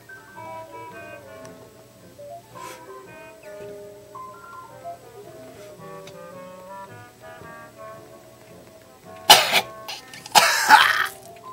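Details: Smoker's cough: two harsh, forceful coughs from an adult man after a stretch of background music.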